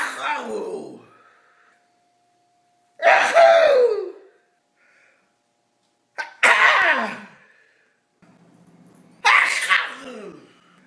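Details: A grandma who sneezes several times a day gives four loud, high-pitched, dramatic sneezes, each a sudden scream-like burst falling away; ordinary sneezing.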